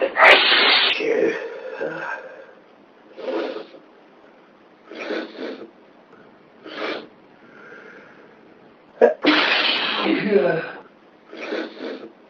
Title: First time sneezes